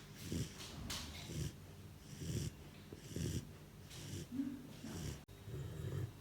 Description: #GermanShepherd #Puppy Four months old Cute German Shepherd Puppy is snoring.